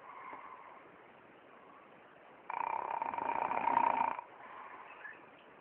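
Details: Snoring: soft rasping breath, then a louder, longer rough snore on the inward breath lasting under two seconds, faint room noise.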